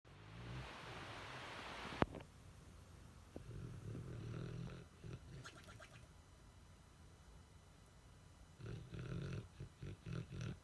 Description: Murphy the Boxer sleeps real hard and snores like a full-grown man with a funny twist.